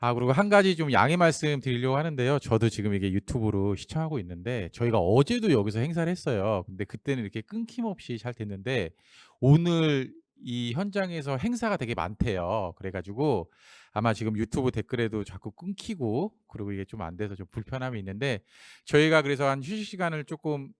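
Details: Adult male speaker; normal speech.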